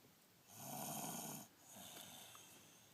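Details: Snoring while asleep on arrival home from school, spring 2013: one long, rough, noisy inward breath, then quieter breathing, in a quiet room.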